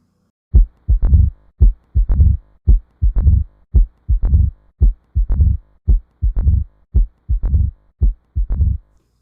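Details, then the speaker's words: Regular heart sounds near 56 a minute, each followed by a low rumbling sound in mid-diastole ("lub-dee-dur"); mid-diastolic murmur of mitral stenosis from a narrowed mitral valve. "ह्या opening स्नॅप्समधून ट्रिब्युलंट blood flow बाहेर येतो आणि त्याच्यामुळंच मायट्रल wall stenosis murmur होते."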